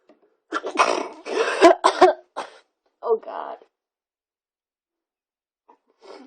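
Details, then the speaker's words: Person deliberately trying to make themselves sneeze for a sneezing challenge: several quick, clipped, stifled-sounding sneezes in a row, then a softer one, in a quiet room; they describe the sneezes as sounding weird. "my sneezes sound really weird oh God this is so gross"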